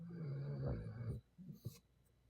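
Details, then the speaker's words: Sleeping dogs snoring in a quiet small room: a long, low, rattling rumble on an in-breath, then a short soft puff of air; snoring. "Sorry if you hear my dogs snoring. They like to snore like freaking grown ass men."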